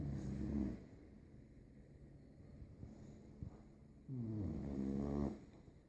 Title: My Puppy snores sooo loudly :)